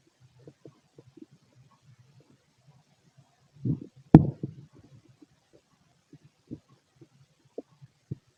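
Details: Fit adult male's empty stomach: soft, scattered low gurgles and clicks with one louder rumbling burst midway, sparse quiet bowel sounds.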